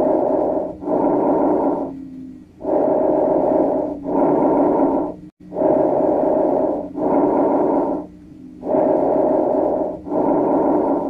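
Breath sounds with inspiration and expiration of equal length and loudness, about 20 breaths a minute: bronchovesicular.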